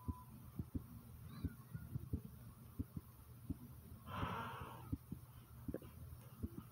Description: y heartbeat is pounding rather fast like comment subscribe and enjoy :) #pounding #heartbeat #subscribe